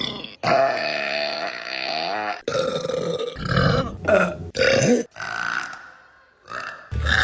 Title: Burping Compilation February 2025 #1 | RBC